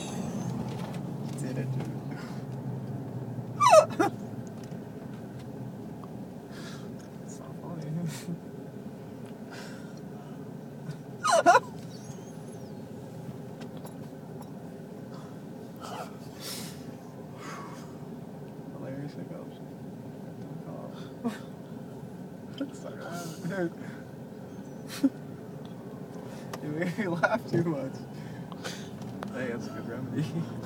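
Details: Recurring hiccups, described as very disturbing: sharp, abrupt gulping sounds at irregular intervals over steady room noise.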